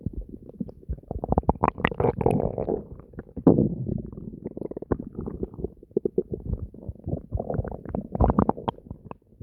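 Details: Continuous gurgling and bubbling with deep rumbling growls from the abdomen: active bowel sounds (borborygmi), stomach noises.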